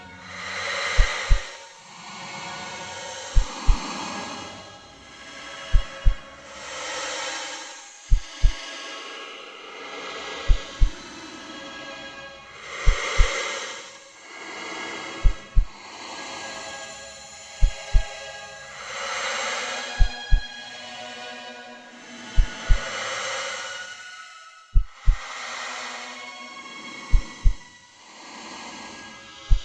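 Slow, regular paired heartbeat thumps about 25 a minute, with swelling droning, music-like noise between beats.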